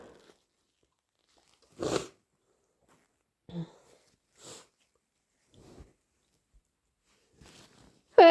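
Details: Several short, sharp sneezes with sniffs between in a quiet room; sneezes possibly induced, allergies suspected; repeated sneezing with sniffles.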